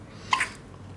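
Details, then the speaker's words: Awake baby girl with uncomfortable but funny hiccups, not crying, after about an hour of feeding with her mother; a single short, sharp hiccup. Normal infant hiccups. "y que está despierta con hipo pero sin llorar Ay no linda linda a ver ojo puro tiene un hipo muy incómodo pero muy gracioso"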